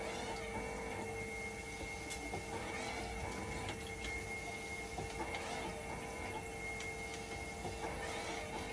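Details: Hemodialysis machine running in dialysis mode during a repair test for a "5 V and level detector always failed" fault, waiting for conductivity to stabilize: steady hum, constant whine, soft irregular pump and valve clatter; conductivity slow to drop.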